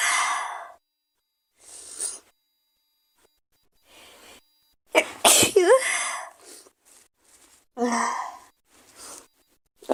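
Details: A young girl's series of sharp, breathy sneezes in quick succession with short inhaled breaths between, followed by "excuse me"; repeated sneezing.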